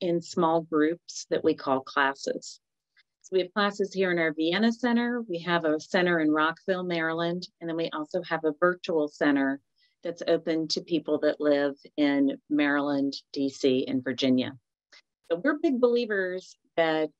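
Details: Adult woman; normal speech.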